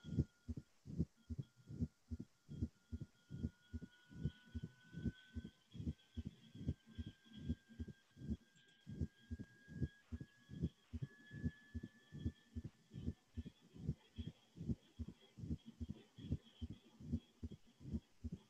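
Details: Mitral stenosis murmur played in a board-review lecture: regular heartbeat near 74/min with a faint diastolic murmur that crescendos from the atrial kick into a loud first sound.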